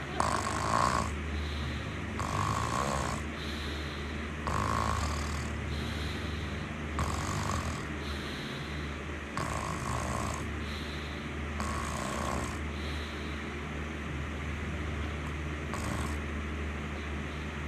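Steady, regular snores, about eight over eighteen seconds, roughly 27 breaths a minute, over a constant low background hum. Snoring during sleep.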